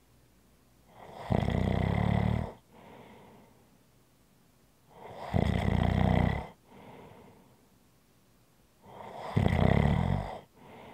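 Three loud rattling snores on breathing in, each followed by a softer breath out, about every four seconds; regular snoring during sleep.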